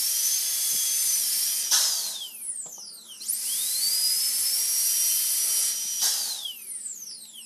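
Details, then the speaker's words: Dental handpiece trimming the edges of a temporary crown on a fake training model during pre-patient practice: high-pitched drill whine rising and falling as the bur cuts right up to the margin. "okay so again I'm just trimming on the edges much to that cut right up to that right up sorry I had to look a little bit right up to that edge"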